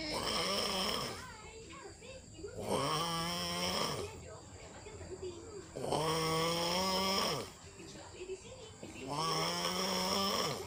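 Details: Father snoring while asleep, waking a baby: loud rattling snores on each breath in, about three in ten seconds, with quiet breathing out between them.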